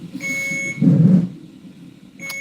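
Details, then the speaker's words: Fetal non-stress test monitor during labor: loud low bumps between steady electronic beeps as the baby kicks and punches the monitor; fetal movement on fetal monitor. "And if you hear that big bumping noise, it's that's. That's kicking the that's kicking the monitor."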